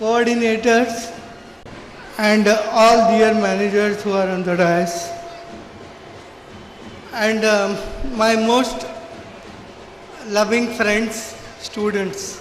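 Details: Adult man with severe cerebral palsy since birth who could not walk or talk as a child; finding: dysarthria due to cerebral palsy.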